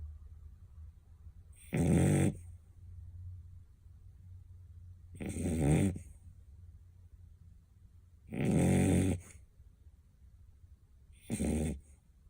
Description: Bella Bleu beagle dog snoring ♥️💤💤